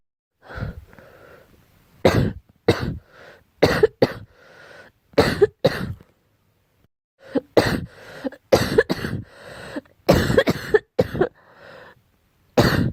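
A girl coughs repeatedly in short bursts, about fifteen coughs with brief breaths between, in a quiet room.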